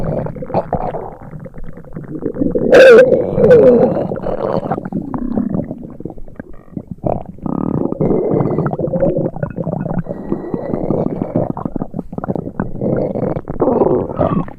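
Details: Simulated stereo sound effect of an upset stomach: long gurgling, bubbling rumbles with squeaky, watery bursts. Stomach rumbling.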